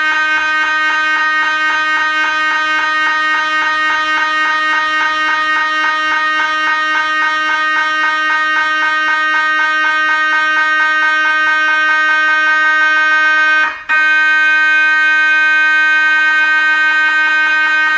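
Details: MRI scanner noise: loud, steady, rapid electronic buzzing with a sustained tone and a brief break near the end.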